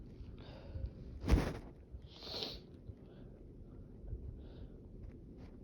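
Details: Person in a sneezing fit, part 2, with itchy nose: a sharp burst of air through nose and mouth, then a softer second sneeze, against quiet room noise.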